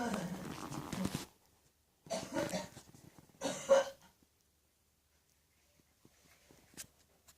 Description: Non smoking 61 year old woman suffering from morning catarrh cough.